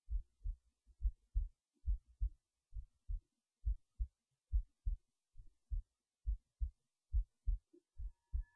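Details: Normal heartbeat recorded late at night while resting in bed before sleep: regular low thudding in clear pairs, about 69 beats a minute, quiet room.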